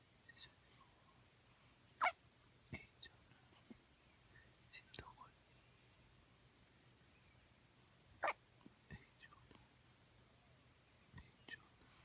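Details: Newborn baby with hiccups: soft, sharp hiccup sounds recurring at irregular intervals in a quiet room.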